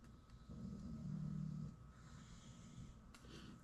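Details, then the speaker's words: Pet dog sleeping behind the speaker, habitually snoring: a single low, rumbling snore over quiet room noise; ordinary snoring. "I'm sure y'all can hear Snorbox in the background. That would be my dog for the new folks that are in here that don't know what the hell that noise is. He's always behind me snoring."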